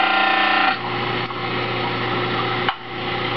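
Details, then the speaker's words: Basic dental model trimmer with water running, trimming the heels of a soaked lower stone dental model with even pressure; steady motor hum with a rough grinding rasp against the wheel. "apply even pressure on both sides, not favoring one side or the other. And place it against the grinding wheel. Make sure that it's stable at all times."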